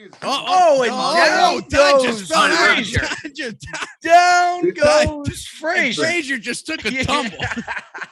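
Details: Adult male speaker; normal speech.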